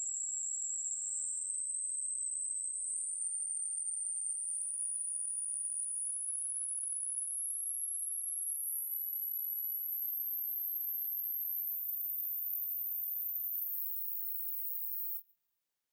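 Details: A steady pure tone rising slowly from high to very high pitch over about 15 seconds, so listeners can find where their hearing cuts out; hearing test tone sweep.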